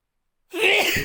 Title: loud sneezes